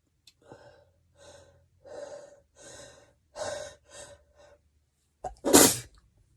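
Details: Several building, catching breaths and stifled attempts ending in one loud, forceful wet sneeze; desperate stifled and wet sneezing.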